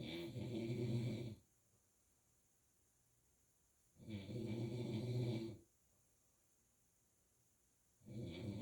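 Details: Snoring recorded overnight: loud low rumbling snores on each breath, about 14 breaths a minute, with quiet gaps between; ordinary snoring.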